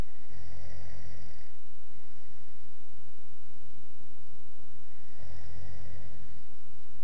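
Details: Two loud, low, rattling snores on the in-breath, about five seconds apart, over steady background hiss; recorded on an Android phone.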